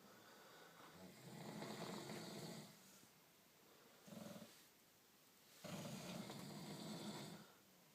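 Slow, rough, rattling breaths in sleep, with long noisy inward breaths and quieter outward ones; snoring.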